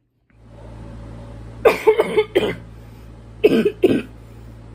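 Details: Congested barking cough from an adult who reports feeling increasingly congested with brutal coughs this past week, hoping allergies clear up.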